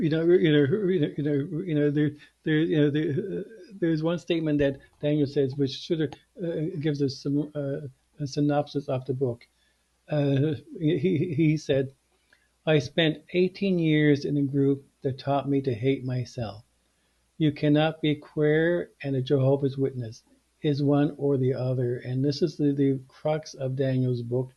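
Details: Male podcast co-host who stutters, with repeated words and phrases heard; stuttering.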